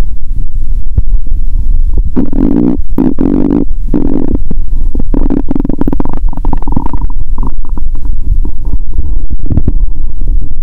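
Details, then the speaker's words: Stethoscope on the abdomen as the person begins drinking cola with Mentos: loud, prolonged gurgling and rumbling; active bowel sounds. "Nhân tiện, bạn có thể nghe thấy tiếng dạ dày réo thú vị từ bây giờ. Khi tôi bắt đầu uống cola, bụng tôi kêu ầm ĩ 😂"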